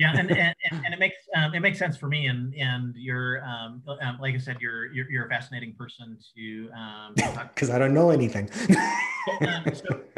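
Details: Adult man who says he has cluttering, a fluency disorder, speaking conversationally in an interview; cluttering.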